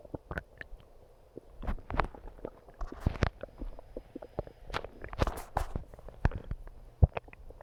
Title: Calming Stomach Growling